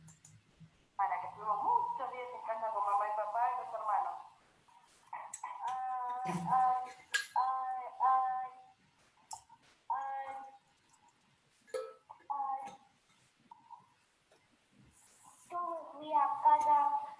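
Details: Child with developmental stuttering (dysfemia) using much force on each disfluency, unlike forceless repetitions; clip cut from a longer sample; stuttering.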